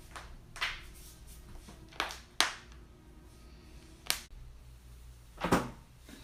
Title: loud joint cracking compilation